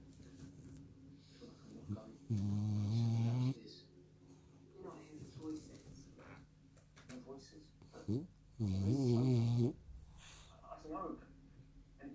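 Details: French bulldog asleep on owner's lap, dreaming with eyes open: two loud, vibrating snores about six seconds apart with soft whimpers and breathy noises between; snoring with sleep vocalising.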